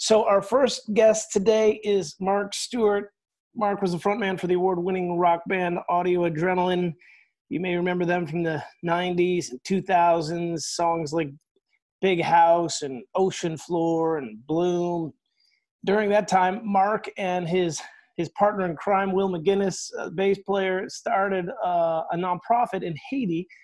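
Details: Adult male host; normal speech.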